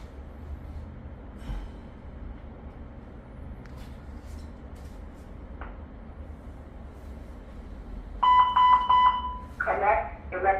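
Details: Quiet room, then a run of rapid beeping alert tones and a tone from a LIFEPAK 500 automated external defibrillator during a demonstration.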